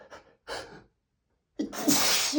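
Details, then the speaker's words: Man on a rough allergy day, sneezy for weeks with itchy, tickling nose: quick gasping in-breaths, a pause, then a forceful explosive sneeze within an intense rapid fit of 60+ sneezes. "just been so sneezy this last few weeks. I don't know what's happening. I just can't stop"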